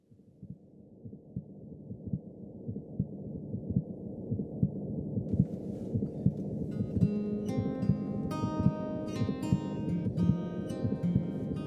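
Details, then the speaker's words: Heartbeat recording made in pediatric hospital music therapy, apparently for a patient's family: a soft, steady heartbeat of about 78 a minute fades in, then guitar and singing of a family-chosen song join over it. "it will fade in with the heartbeat and that's the beat that you'll hear in the background"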